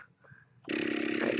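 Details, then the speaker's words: Quiet start, then loud steady motor hum with rapid rhythmic pulsing from a Spectra S2 hospital-grade closed-system electric breast pump running in expression mode, cycle 64, without tubing attached. "so it's gonna sound pretty loud but it's actually not very loud at all"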